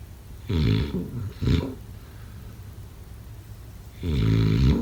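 Loud, rattling snores with deep vibrating tone on each breath, separated by quieter pauses; typical snoring.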